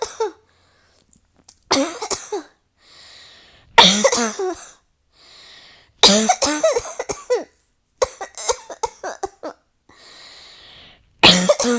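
Bursts of harsh, strained coughs in rapid runs, with brief breathy gasps between bouts; a nonstop coughing fit.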